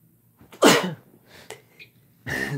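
One loud explosive sneeze after a short intake of breath, then quieter sounds and the start of another burst; sneezing.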